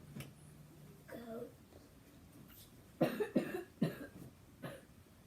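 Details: A short cluster of about four brief, dry coughs from a teenage girl getting ready for school, with a faint voiced sound beforehand in a quiet room; she has a little cough and an ear infection from the previous day; cough.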